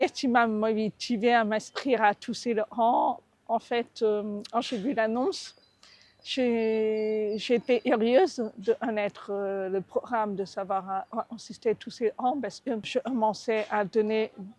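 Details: Adult woman with cochlear implant; deaf speech.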